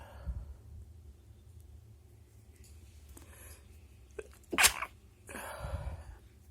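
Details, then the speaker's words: Person deliberately trying to sneeze: the nose tickles but sneezes won't fully come out, and the nose is blocked. A quiet room, then two short, muffled sneeze bursts held back with a closed mouth, stifled sneezing. "It tickles my nose, but this needs just don't come out."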